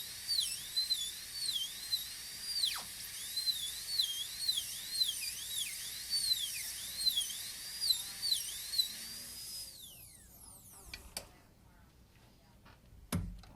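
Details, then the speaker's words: High-speed dental drill reducing past a ridge toward the facial surface in a full gold crown preparation on tooth 30; high-pitched whine rising and falling while cutting, then stopping with clicks and an air puff. "But for a full crown, we don't hesitate to just go ahead and cut right past that ridge."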